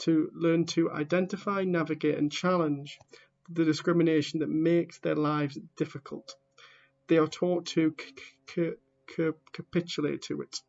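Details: A person who stammers reading aloud the introduction to a book, with real stammering in the reading: stammering.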